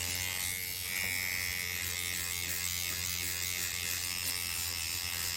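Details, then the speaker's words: Microneedling pen demonstrating the old dragging method on a client's face at 2 mm depth, the needles snagging and grabbing tissue. Steady high-pitched buzzing of the motorized microneedling pen running continuously. "See, it can grab the pin. Your pin doesn't have time to pull back out before it, see how it wants to grab it."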